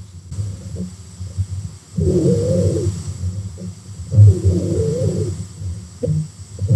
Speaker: if we have wheezes that's when our Airways get small they're constricted or narrowed for some reason so as the air passes through it makes a high pitched Whistling noise this can happen in asthma or COPD and it sounds like